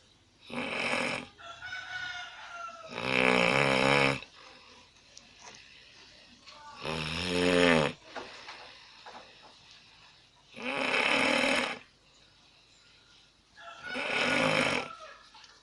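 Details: Heavy snoring from a sleeping person, recorded on an Alcatel Onetouch Flash Plus phone: loud, harsh rattling snores on inhalation, about five in 15 seconds, with quiet pauses between.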